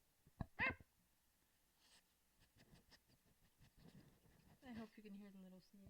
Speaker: little sneeze. You can. I can hear it in the headphones.